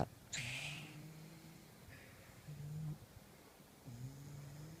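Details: Pug snoring: short snorting breaths with a low rattling buzz in a quiet room, typical of flat-faced dogs.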